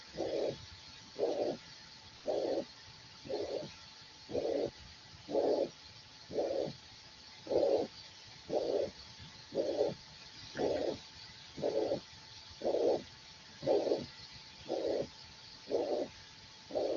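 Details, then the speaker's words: Mitral regurgitation: a blowing systolic murmur repeating about 59 times a minute, played as a teaching example and contrasted with mitral stenosis. "Ahí van a escuchar un soplo de insuficiencia mitral que quisiera que lo escuchen bien."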